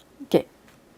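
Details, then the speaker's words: Doctor imitating snoring with mouth open, showing uvula vibrating against the nasopharynx, as in mouth breathing worsened by postnasal drip; imitated snoring. "이렇게 소리를 흉내를 내보면 목젖이 떨리면서 어 비인두 부분과 마찰이 일어나면서 나는 소리가 코고리 소리죠"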